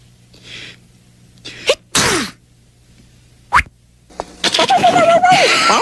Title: Blue's Clues - Sneezing Compilation